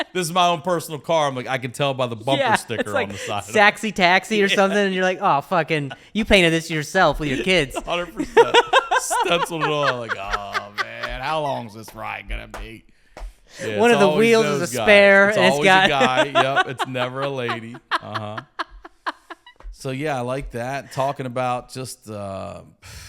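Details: Adult male comedian known for his stutter, asking a question in conversation; stuttering.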